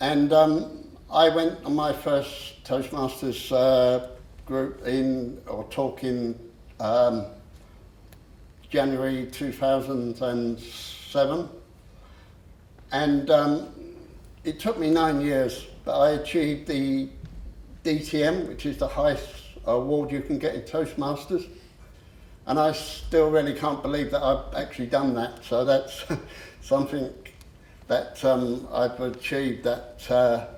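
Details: Adult man who has stammered since about age seven, after the shock of losing his parents, and still stammers on a few words; stuttering (stammering).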